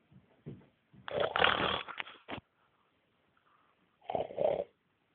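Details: Rough, rattling snores in two bursts, edited into a song-like tune; snoring.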